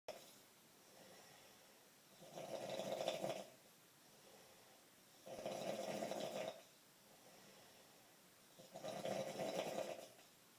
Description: Roommate snores so loud at night ,annoys me much!!!